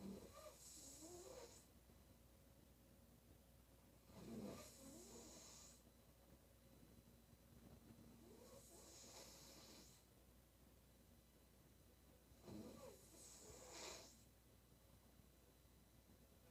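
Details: Woman snoring during sleep: loud, rough snores about every four seconds, roughly 15 a minute, with quieter breathing between them.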